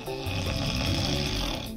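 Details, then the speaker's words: Adult woman who usually uses a CPAP machine at night, recorded snoring; snoring from airway narrowing causing turbulent vibration, nasal passages to throat. "ened because of narrowing somewhere in the airway from the nasal passages all the way to the throat so the air get turbulence and so you can get the vibration and hear the snoring"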